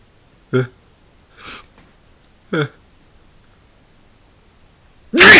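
Quick voiced indrawn gasps, one breathy, build up before the start of a loud sneeze.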